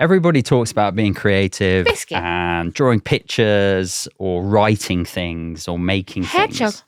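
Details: Adult male speaker; normal speech.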